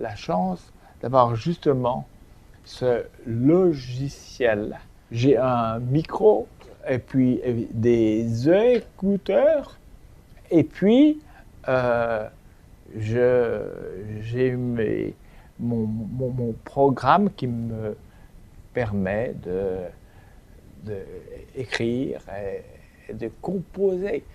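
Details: Man who became aphasic 7 years earlier after a stroke and uses voice recognition software as a communication aid; aphasia.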